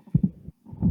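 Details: Mitral stenosis: a low heart sound, a pause, then a low rumbling diastolic murmur that swells before the next beat.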